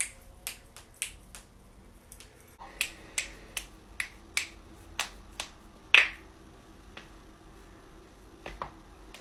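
About fifteen sharp, dry pops in quick succession from joints being cracked, a common and usually harmless sound.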